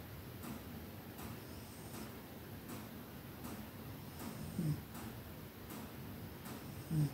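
Faint, steady snoring from a napping cat, roughly 8 breaths in seven seconds, under constant background hiss.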